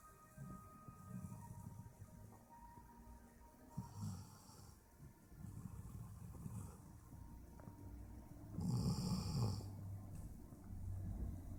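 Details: Dog snoring with its mouth open while asleep: low, rough rattling snores, with faint music in the background.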